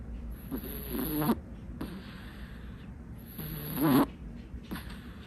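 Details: Kitten asleep, soft snuffly snores over two breath cycles with a gentle rattling buzz and quiet room hiss behind; snoring.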